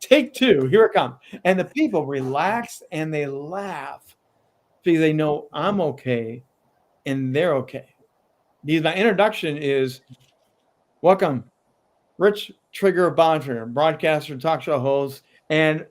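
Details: Adult man with a lifelong stutter, still tripping over words at times; stuttering.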